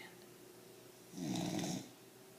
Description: My puppy pit bull....sleeps on my lap & snores like an old man...